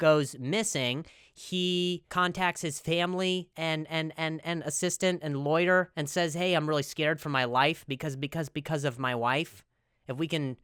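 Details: Adult male comedian who stutters, speech with word and phrase repetitions; stuttering.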